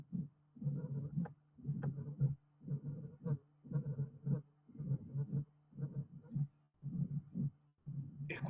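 Regular heart cycles about 65 a minute, each with a low rumbling murmur building to a louder snap-like beat; mitral stenosis with diastolic rumble and presystolic accentuation.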